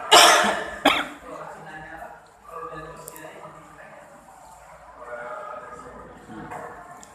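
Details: Two harsh coughs from a man, followed by background talking and room noise.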